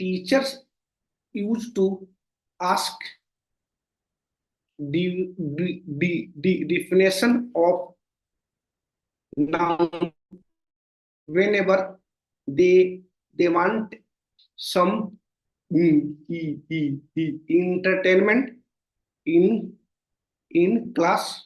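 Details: Stuttering (stammering) in an adult man, present since childhood and worsening over time, with severe blocks.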